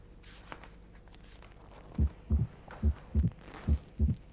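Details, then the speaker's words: Heartbeat with a crisp, high-frequency extra click just after the second heart sound: an opening snap, typical of mitral stenosis; physical examination teaching demonstration. "snap ini mempunyai frekuensi yang tinggi dibandingkan tadi dengan bunyi jantung tiga biasanya didapat pada kelainan katup stenosis mitral"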